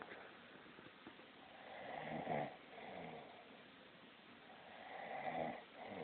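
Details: Sleeping father snoring, likened to an old car: loud rough rattling snores on the in-breath roughly every three seconds.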